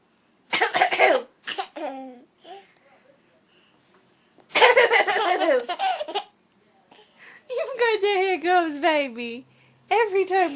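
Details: Adult mother's harsh, noisy "bad" coughing bursts while her 10-month-old infant laughs in bright bursts; infant has hiccups; plain cough.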